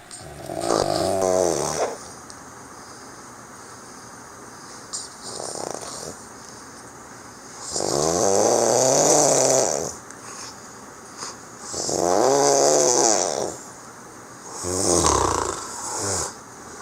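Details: Loud, rattling snores about every four seconds with quiet pauses between, from a friend sleeping during a Christmas holiday visit in 2018; snoring.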